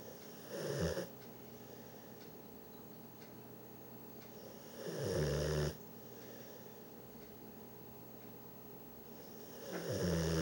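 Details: Bullmastiff dog snoring in sleep: loud rumbling snores on each in-breath, about every five seconds, near 13 breaths a minute.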